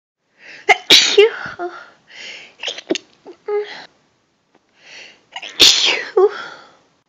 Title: still sneezing a lot